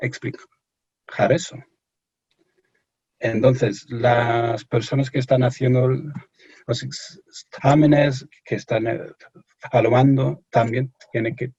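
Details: Stuttering in an adult English-born man speaking Spanish as a second language, who reports anxiety and pressure when speaking.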